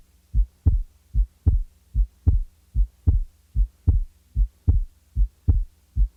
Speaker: The following example represents a normal individual with normal respiratory variation, or physiological splitting, of the second sound.